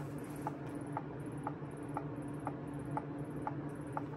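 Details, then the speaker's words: A Medela electric breast pump, newly unboxed and assembled with breast shields, runs with a steady motor hum and soft rhythmic suction pulses about twice a second. It has two modes, and the suction is being tried on an arm. "oh we only got two things there's like two different modes"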